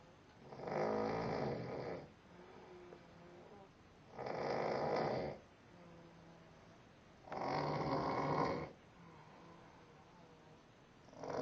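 Loud rattling snores on each breath in, about three in eleven seconds with quieter breaths out between; plain snoring.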